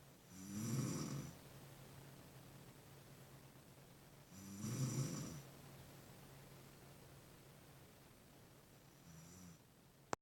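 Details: Woman snoring: slow, low rumbling snores, about three in ten seconds, over steady background hiss.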